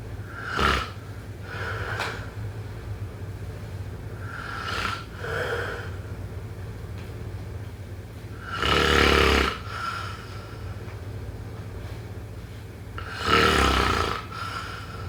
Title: #snoring #snoringasmr #sleepsounds #snoringsleepingsoundeffect #snoringsounds